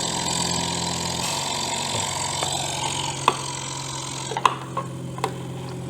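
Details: Philips Respironics EverFlo oxygen concentrator running during a demonstration of its use and filter: a steady mechanical hum with a few handling clicks.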